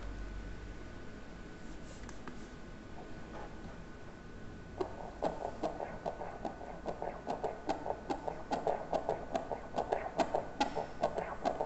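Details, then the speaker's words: Fetal heart on ultrasound at 33.6 weeks of gestation: quiet hum, then rapid, regular, strong whooshing Doppler beats at 142 per minute, described as vigorous and rhythmic, a normal fetal heartbeat. "ese es el corazón del bebé el corazón siempre se escucha bastante bien se escucha fuerte vigoroso rítmico"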